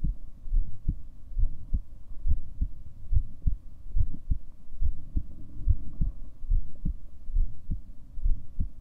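Steady, muffled low thumps, about 70 beats a minute; an ordinary heartbeat.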